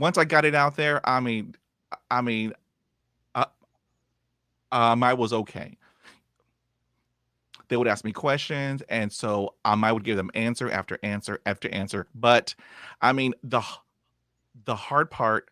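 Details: 51-year-old man with lifelong stuttering, after 20 years of speech therapy; he reports improving from zero to about 80 percent but still blocking and repeating, with frequent "um" fillers and repeated words; stuttering.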